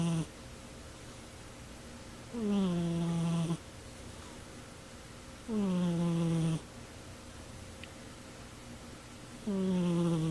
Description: Cat snoring while sleeping on a chair.